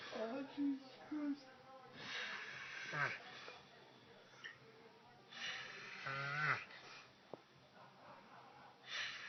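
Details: Human snoring: irregular snoring breaths, some ending in high, squeaky whistling tones; whistling snore.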